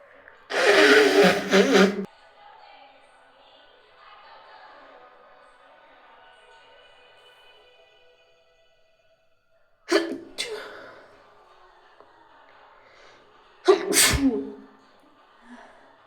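Three sharp explosive bursts, one long at the start and two shorter later, with quiet between them; sneezes.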